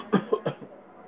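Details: Three quick, rough cough bursts from an adult claiming a bad cough, acted for a comedy skit: simulated cough.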